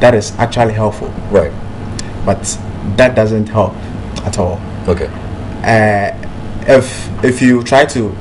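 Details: Real adult man who stammers, president of a national stammerers' association; stammering reportedly once held him back but no longer does; stuttering.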